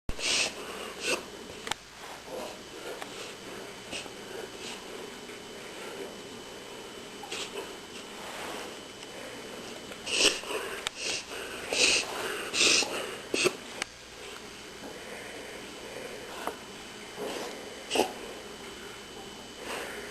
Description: 10-month-old lab doing what we think is a reverse sneeze